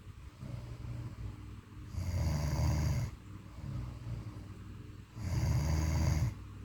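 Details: Two loud, rough, low rattling snores on the in-breaths with quieter breathing between, about 19 breaths a minute: sleep snoring.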